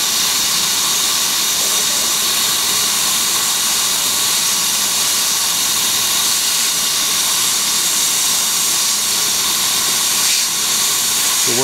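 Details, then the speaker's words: Maxillary frenectomy with Biolase Waterlase MD, S mode, end-cutting held about 1 mm off the tissue: loud steady hiss with fine rapid crackle from air and water spray as soft tissue is cut. "now remember this is end cutting so if you get a fiber you're not going to get any cutting if you're doing that so try and come off the surface just a little bit about a millimeter and just let the tissue melt away"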